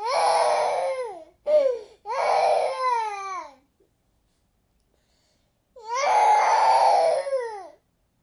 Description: What a baby crying sounds like .